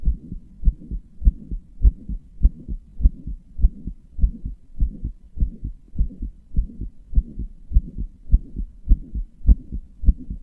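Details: Regular, slightly fast heartbeat about 102 beats a minute with soft hissing between beats; heart murmur, with palpitations reported by the person recording.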